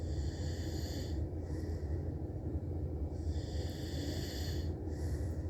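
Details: A man's continuous low rumbling snore with a steady throaty vibration and hissy airflow, heavy enough to blur the breath cycles; snoring.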